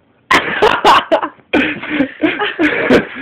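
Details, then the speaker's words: Puppy sneezing every time someone gets close to the top of his nose: several quick, sharp nasal bursts of repeated sneezing. "CU his nose and he sneezes almost he almost did he no Mom dud D again I get close at the top of his nose ah see he sees every time see ah every time"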